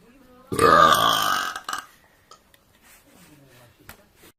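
One loud, drawn-out belch of about a second, then quiet room sounds; a burp.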